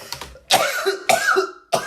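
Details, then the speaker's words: Three sharp, harsh cough bursts, each with a short voiced tail, from a man coughing during a bout of hard laughter while reacting to a video; cough. "oh my god damn make me laugh so much i'm coughing like crazy"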